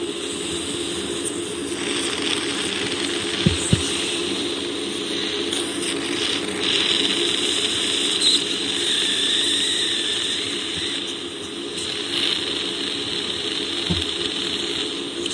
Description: Dentist performing teeth scale and polish procedure on patient